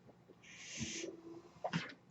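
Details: Half-second rush of airy hiss with a faint low hum, then a short puff and valve click: one breath cycle from the podcaster's own home mechanical ventilator during a real recording.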